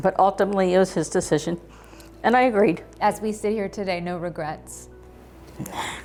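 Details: Adult woman speaking; Typical speech.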